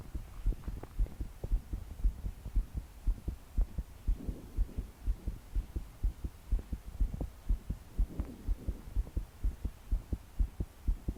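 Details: 22-year-old woman's strong, regular low thumps, about 120 per minute, with soft breathing while trying to calm down to sleep; body shaking with each beat; deep breaths didn't help; heavy rain behind; rapid pounding heartbeat, palpitations.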